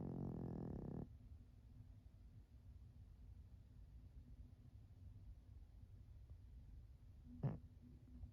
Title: Turtle snore!